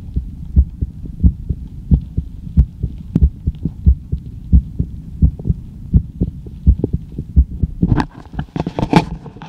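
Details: Regular soft, low heartbeat thumps about 90 a minute, ending in rustling: a normal heartbeat heard through an acoustic stethoscope with a phone mic placed inside.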